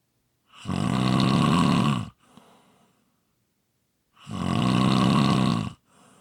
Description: ASMR Snoring Sounds.